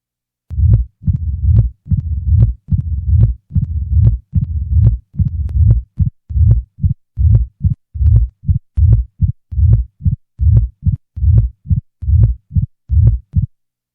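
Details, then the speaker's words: Simulated mitral stenosis heart sounds, about 71 beats a minute: early diastolic murmur eliminated, leaving a short low rumble just before each first sound, the presystolic murmur of mitral stenosis. "now the early portion of the diastolic murmur will be eliminated leaving only the presystolic"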